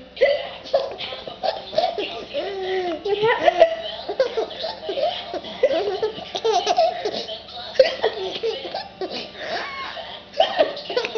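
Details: Adult's sharp, abrupt hiccups while a young child laughs in bursts at them.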